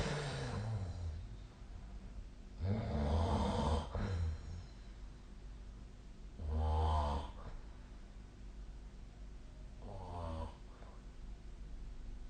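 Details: Person asleep: loud, rough snores on breathing in, separated by quieter breaths, at roughly 17 per minute; snoring during sleep.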